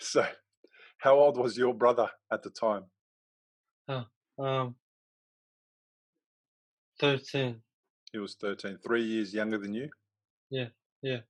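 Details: Male who had a stroke from a ruptured arteriovenous malformation at age 15 that left him in a coma; three years later he has post-stroke aphasia, with trouble getting words out rather than understanding: aphasia.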